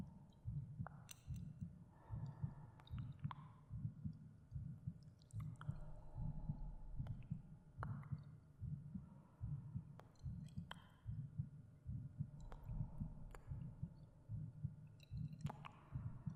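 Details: An adult's own normal heartbeat recorded for an ASMR meditation: steady, regular low thumps at about 74 per minute, with faint cave-like drips and ambience behind.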